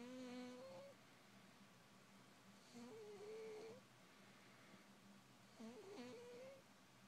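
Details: Ten-year-old polydactyl cat, sleeping comfortably, with a whistling snore; high, whistling squeaks that rise and fall about every three seconds with its breathing in a quiet room.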